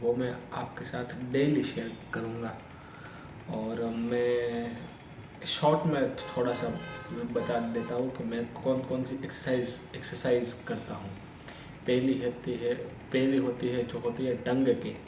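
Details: Adult man's own speech with stammering, recorded on day 1 of his daily practice routine for stammering (speech exercises, breathing control, self-monitoring); stuttering.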